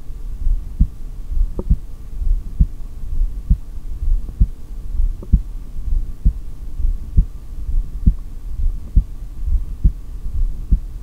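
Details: Heartbeat through a stethoscope during a held breath in a single-take recording: steady, regular beats at about 67 per minute over a low hum.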